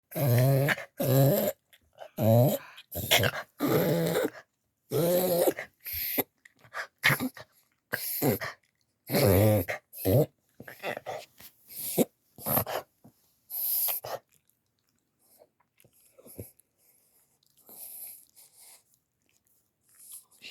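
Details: A dog's breathing episode, possibly reverse sneezing or collapsed trachea (uncertain): a run of loud, rapid, snorting honks, then breathing quiets to soft snuffles.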